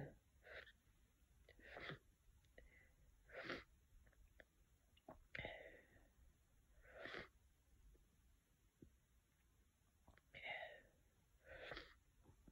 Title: Some more cold sneezes and sniffing